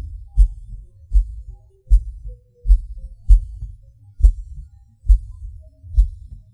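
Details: A person's own heartbeat: low thumps, about eight in six seconds, unevenly spaced, with one early beat followed by a longer pause. It is an erratic rhythm with skipped and extra premature beats (PVC/PAC), felt as a falling sensation.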